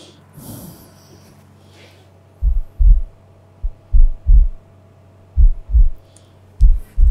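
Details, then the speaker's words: Low paired thumps, heart sounds through a stethoscope at roughly 80 beats a minute, faint room noise at start; a paramedic listening to a heart during an ambulance tour demonstration. "we can listen to your heart and your lungs also on the way to the hospital"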